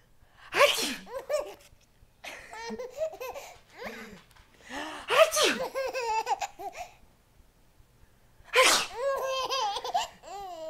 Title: Baby Laughing at Sneezes